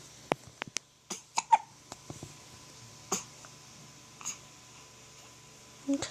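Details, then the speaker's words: Pet dog with hiccups: abrupt, brief gulping clicks repeating irregularly over several seconds. "treat our Zoe got hiccups no sorry you got hiccups sounds so cute sorry hicups I feel bad"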